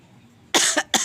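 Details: A talking myna bird (jalak kebo) imitating a human cough: two quick, harsh cough-like bursts.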